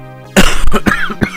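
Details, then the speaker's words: A sleeping pet Labrador gives a short run of about four harsh, rough coughs at nearly 3 a.m., over faint electronic game music; dog cough. "so if you can hear that coughing that is my little lab behind me who is sleeping soundly as it's nearly quarter to 3:00 in the morning"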